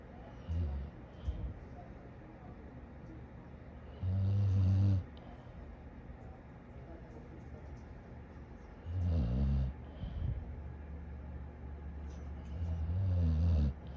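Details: A dog asleep on the ground snoring: deep, rumbling snores about every four to five seconds with snuffly breaths between them.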